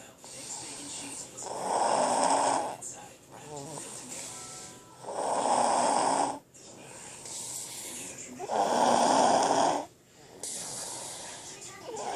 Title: Loudest snoring kid ever